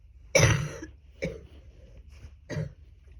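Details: Adult woman (ayu) with a cold, recorded at its worst, when she thought it might be pneumonia; cough with a lot of phlegm; wet productive cough.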